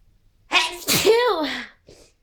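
A single forceful sneeze with a sharp intake then explosive voiced burst, followed by a soft exhale; an ordinary sneeze.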